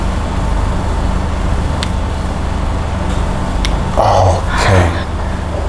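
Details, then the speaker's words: Crisp cracking sounds during chiropractic-style back and sacrum manipulation of a mother of three with back problems, likened to crackers crunching: joint cavitation. "Wow. Suaranya kayak lagi kerupuk tau sih. Iya, bunyi krek gitu ya. Bunyinya crispy banget."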